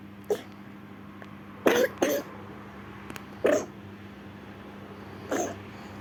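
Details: Cat named Lala coughing: five brief, harsh cough bursts, some in quick pairs, over a steady low room hum.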